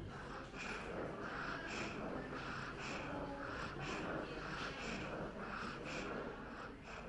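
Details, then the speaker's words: Child with rapid, noisy breathing and a whistling, musical expiratory wheeze, not stridor; the sound is contrasted with stridor, a harsh noise on breathing in. "s'il se peut que vous entendiez d'autres bruits lorsque l'on feint expire romain sifflements"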